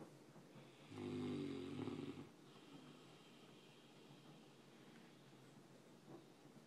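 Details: Snoring from a sleeping giant mastiff dog: one loud, low rattling snore on an in-breath, followed by quieter breathing in a small room.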